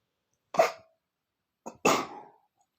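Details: Male sneezing, attributed to dust: two sharp, explosive sneezes, the second preceded by a brief catch of breath.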